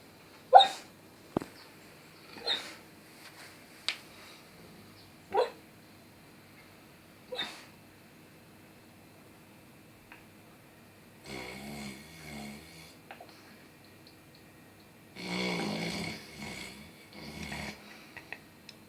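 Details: A sleeping dog snores: short snorts, then longer rattling snores on breathing in.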